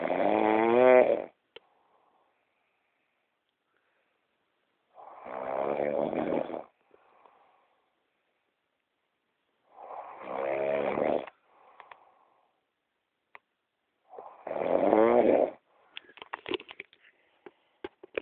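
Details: Woman snoring in a hotel room: four loud, rattling inhaled snores about every 4.5 seconds (about 13 a minute) with quiet pauses between; ordinary snoring.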